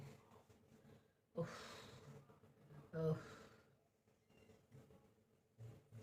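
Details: Persistent cough lasting many days, which the person blames on hot-cold weather changes and is taking medicine for: two harsh, forceful coughs with faint breathing between them.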